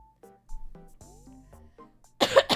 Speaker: I could hear the flame in that cough. If I keep coughing, you'll be able to feel it across the screen.